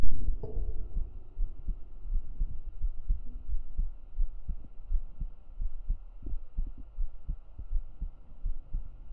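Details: Real heartbeat recorded up close on the chest with binaural microphones: steady, regular low thumps with faint background hum; ordinary heartbeat.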